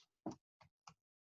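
A few short, hollow taps of direct chest percussion over clothing, giving the normal resonant note of air-filled lung.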